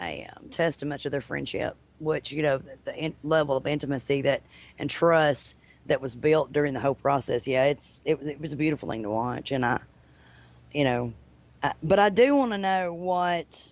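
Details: Adult woman speaking; typical fluent speech.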